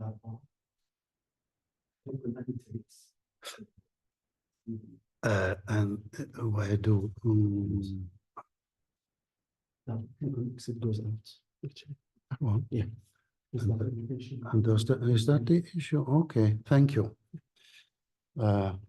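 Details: Adult English-speaking woman who reports foreign accent syndrome after migraine, heard as Eastern European or French accented; lecturer suggests functional (psychogenic) foreign accent syndrome.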